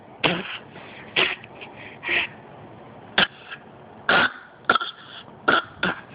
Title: Coughing